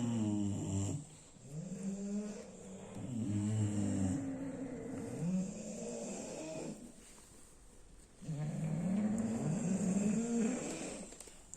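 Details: Sleeping bulldog snoring: loud, rough, rattling snores with breath cycles broken by pauses.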